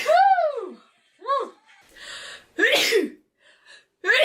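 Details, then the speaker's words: A woman sneezing amid laughter: a sharp, forceful sneeze burst preceded by a rising gasp, followed by another gasp and sneeze, with voiced sounds mixed in; sneezing. "Oh, I'm going to sneeze. [laughter] God's sake, woman. Oh, for heaven's sake. Now you want to sneeze now."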